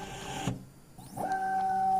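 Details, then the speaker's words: Low-cost AMBU-bag ventilator, a demonstration of the alarm function with no airway resistance: steady tonal beeping broken by a brief mechanical sweep as the pressure alarm activates because set pressure cannot be reached and pressure stays low. "no precise volume an opposite pressure can be rigid so the pressure alarm will be activated and"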